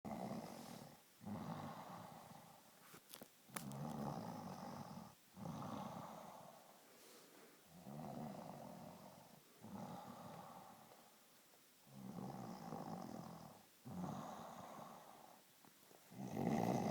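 A sleeping dog snores steadily, with rumbling breath sounds repeating about every two seconds.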